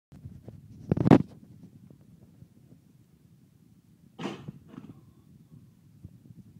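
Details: Horse's cough on day 3 of the cough: two harsh coughs, the first loud and forceful, the second weaker, over low rumbling noise.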